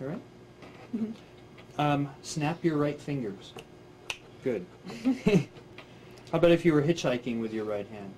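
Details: Adult examiner speaking; normal speech.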